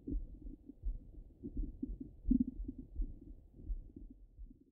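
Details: Stomach rumbling heard through a stethoscope: soft, low, irregular, continuous gurgling and bubbling rumbles; active bowel sounds.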